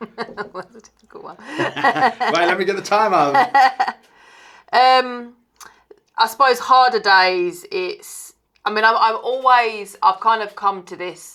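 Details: Adult woman speaking; normal speech.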